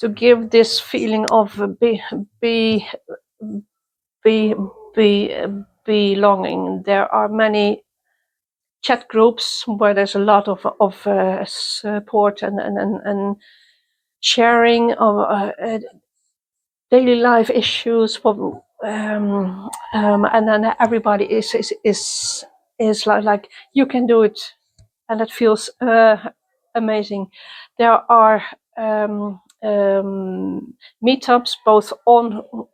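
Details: Adult woman who stutters, attending youth meetings for young people who stutter since 1995; stuttering.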